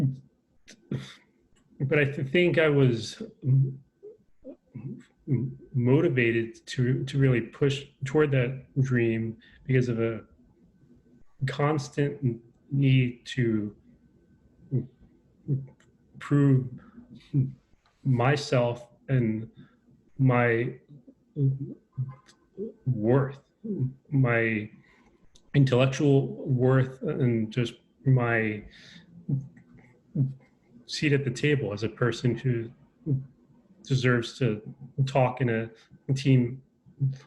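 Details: Adult man with a self-described lifelong stutter, who says he is less fluent over Zoom; stuttering.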